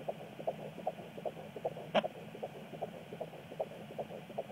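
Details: Fetal heartbeat at 16 weeks 4 days on Doppler: rapid, regular swishing pulses, about 150 beats per minute; the baby reportedly gives a kick near the end.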